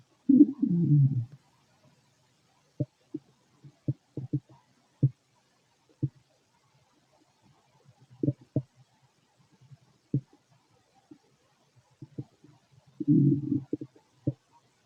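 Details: Male stomach noises while digesting food: gurgling rumbles with scattered short pops and clicks, including two longer gurgles, normal bowel sounds (borborygmi).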